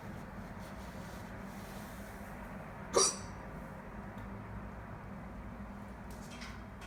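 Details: A single abrupt, brief gulping hiccup against a steady background hum, during a bout of hiccups.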